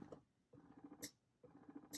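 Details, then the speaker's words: Spectra electric breast pump in initiation (let-down) phase, not attached to breast: quiet rhythmic mechanical whirring in quick cycles about one a second with faint clicks. "Okay, so we're gonna turn it on, switch it to the initiation phase, and so you can hear it at how quick it is. And then you could see it, what it looks like when it's pulling."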